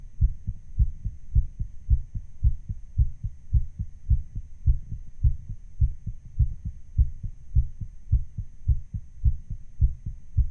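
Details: Real recording of the uploader's own heart sound, sped up slightly to sound racing: regular, quick heartbeat thumps at about 105 per minute, a fast heartbeat.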